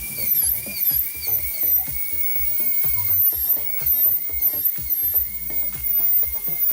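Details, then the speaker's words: Steady high-pitched dental drill whine with intermittent cutting over background music, as the side of the bur cuts 1.5 mm deep orientation grooves on tooth 37 for a cast-metal overlay preparation. "Com a mesma broca, sem usar a ponta ativa da broca, mas o corpo da broca, vamos executar os sulcos de orientação com 1,5 mm de profundidade."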